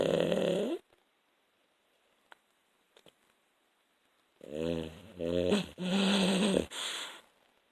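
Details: Loud buzzing, growl-like snorts in bursts separated by a quiet pause, in a small room: snoring.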